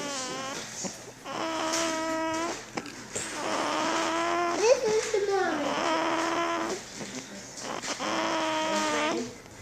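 Repeated sustained, tuneful wailing cries with brief pauses between them, typical of an infant crying.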